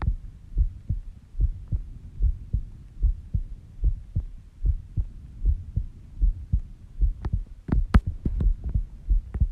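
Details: Heartbeat recorded at 5:30 am while sleeping, heart slow at about 70 bpm; steady low lub-dub sounds near 75 a minute with a few sharper clicks near the end, a normal resting heartbeat.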